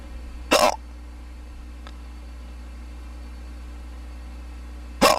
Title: Hiccups male(audio only the Celtic file)